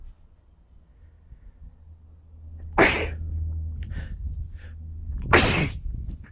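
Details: Two loud, explosive sneezes about two and a half seconds apart, with a sniff and rustling between; adult man feeling unwell with sore throat, no fever, after sanding without a mask and inhaling dust.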